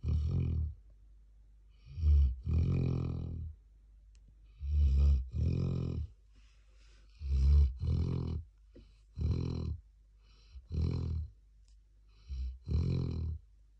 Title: 13 Month Old Black Lab Snoring Away